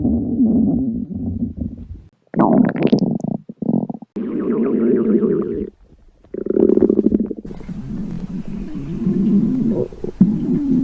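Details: Hunger stomach growling (borborygmi) from a hungry young woman: long, loud gurgling rumbles and squeaky growls from the belly in several bursts.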